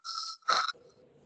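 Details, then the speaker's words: Vocal imitation of rhonchi in a pulmonology class on bronchopulmonary dysplasia in neonates: a breathy hiss and burst, then a low, coarse snore-like rumble, suggesting central airway, nasal or tonsillar problems. "ese es un roncus. Entonces puedo tener un problema en la vía aérea central o puedo tener un problema en la nariz, puedo tener un problema de las amígdalas, sobre todo ustedes que tienen niños dismórficos."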